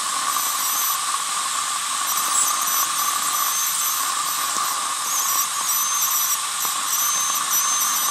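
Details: Dental hygiene cleaning using an ultrasonic scaler with Kona block tube set and Total Comfort saliva ejectors: steady high-pitched hiss and whine with continuous high-volume suction noise.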